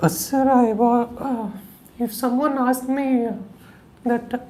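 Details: Puberphonia in a 21-year-old male before voice therapy; he has kept a high-pitched childish voice from childhood through puberty, with only the thin edges of the vocal cords vibrating.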